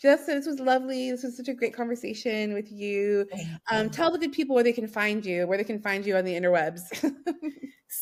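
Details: Adult woman speaking; normal speech.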